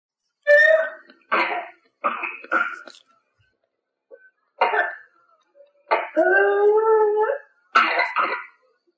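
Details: Recording of a patient with pertussis (whooping cough), from a clinical microbiology teaching module: bursts of coughing followed by a long, high-pitched crowing inspiratory whoop.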